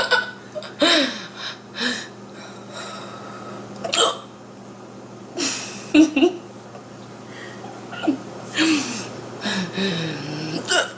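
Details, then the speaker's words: Persistent hiccups in a young woman: sharp, abrupt hiccups with loud voiced squeaks, several in quick succession, mixed with laughter and talk over a steady hum; she plans to drink water to stop them. "you still have the hiccups they're so dramatic i have dramatic hiccups"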